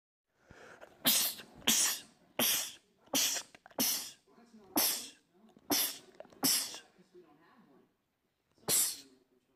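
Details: Male rapid sneezing attack from a sneezing compilation: a rapid run of about nine sharp, explosive sneezes with brief breaths in between; repeated sneezing.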